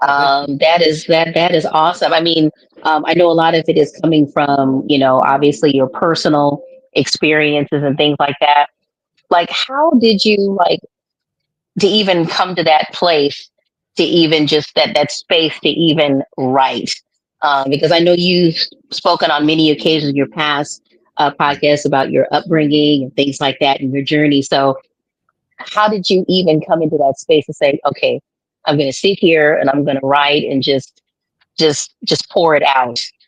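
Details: Adult woman speaking; typical speech.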